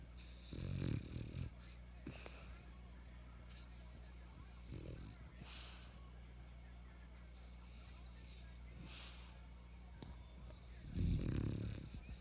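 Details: French bulldog: low, rumbling, snorting snores on slow breaths in, about three over twelve seconds, over a steady background hum; snoring.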